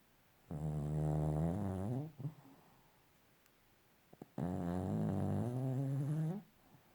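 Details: Sleeping dog snoring: two long, drawn-out voiced snores, each about one and a half seconds, with a pause between them.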